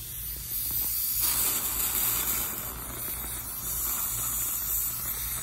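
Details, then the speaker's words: Dental air-water syringe spritz after removing topical anesthetic in an amalgam/composite procedure demonstration: steady hissing spray starting abruptly, lasting several seconds. "Then we're gonna go ahead and give a spritz."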